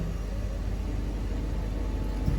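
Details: Longfian JAY-5BW 5-litre oxygen concentrator with humidifier bottle, demonstrated running: steady low mechanical hum and rumble, no pauses or alarms.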